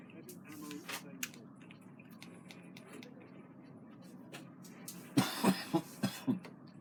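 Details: An adult gives a quick run of about five loud coughs over low background family noise and game-controller clicking; cough.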